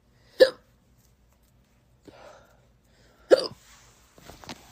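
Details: Girl with recurrent hiccups, her fourth episode today and crying about it, which her doctor attributed to a weirdly developed diaphragm expected to resolve after puberty: two abrupt, sharp voiced hiccups about three seconds apart.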